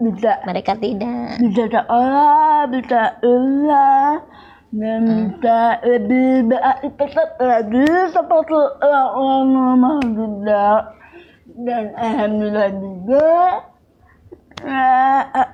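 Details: Young woman with cerebral palsy and speech difficulty since childhood; dysarthria (cerebral palsy).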